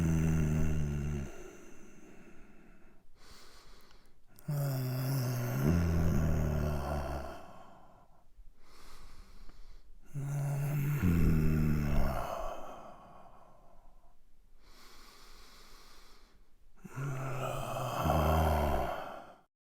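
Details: Sound-effect recording of a sick-sounding male snoring: loud, rumbling snores on each breath in with hissing breaths out, about four breaths in twenty seconds.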